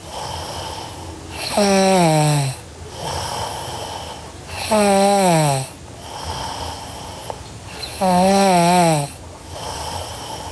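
Three loud, tonal, falling snores on the in-breath, about 18 breaths a minute, with steady background hiss between them.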